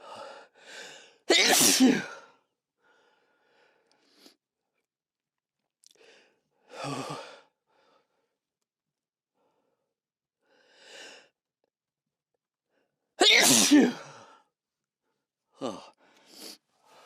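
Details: Sneezes recorded in a sound-treated room after a burning, tickling sensation: two sharp, forceful sneezes with soft breaths and lead-in gasps between them.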